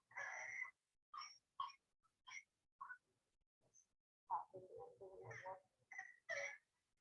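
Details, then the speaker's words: Recorded whooping cough (pertussis, a bacterial infection) played in a lecture: a junky, pneumonia-like cough with stridor, contrasted with the dry barking cough of croup. "you will just find that the pertussis sounds a little bit more junky it's got that like almost like pneumonia cough sound to it whereas the uh croup has the like dry barking"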